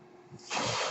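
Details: Speaker's own ventilator heard while the user talks during a podcast recording: a quiet pause, then a sudden steady rush of hissing air as a breath is delivered; mechanical ventilator airflow.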